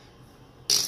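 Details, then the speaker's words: Sudden, sharp, hissy tongue click after near silence: an involuntary vocal tic in a person with Tourette syndrome, who describes the repeated clicking as painful and embarrassing. "and you keep clicking your tongue like that, it is so painful on the inside. It's very painful and embarrassing because at the end of the day, I could share my life with a stranger."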